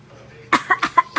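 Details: Young child coughing on request, then saying "dada": a single short voluntary cough followed by brief voiced baby syllables.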